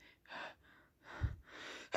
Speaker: Gonna sneeze. Whew. Gonna sneeze. Oh. Gonna sneeze again.